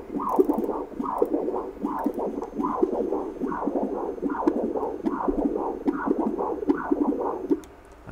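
Rhythmic whooshing Doppler pulses at about 73 a minute during a breath hold: normal left ventricular filling across the mitral valve.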